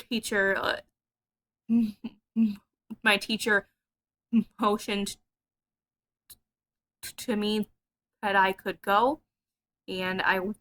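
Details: Adult speaker; stuttering.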